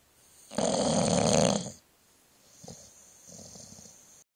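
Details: Sleeping bulldog recorded by phone about 30 cm away: a loud, rough, rattling snore lasting about a second, followed by quieter noisy breaths; snoring.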